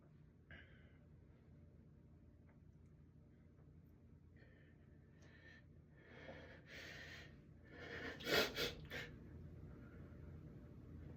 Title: sneeze fit in the bathroom